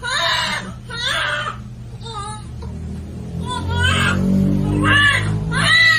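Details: Newborn baby girl's first cries right after delivery, repeated strong high-pitched wails about once a second under background music and talk; a vigorous, healthy first cry said to show strong lungs.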